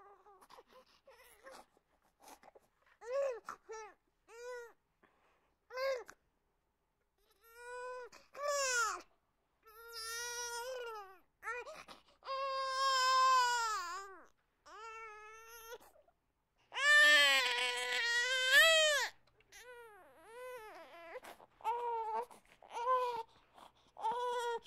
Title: Sound Effects - Baby Crying